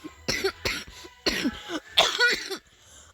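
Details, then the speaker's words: Person who says they have a really bad cold, recorded in a quiet room: a run of about five short, harsh coughs with some throat clearing between them. "I'm sorry I have a really bad call"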